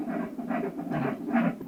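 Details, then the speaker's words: Late-pregnancy fetal heart rate recording at an obstetric monitoring unit seeing women from 34 weeks: rhythmic Doppler whooshing pulses, roughly 140 a minute, ending in a louder burst; fetal heart sounds. "pour apprécier le bien-être fétal par l'exemple de l'enregistre du ryme cardiaque fétal qui est en train d'être fait donc qui permet d'apprécier l'état du fuéus"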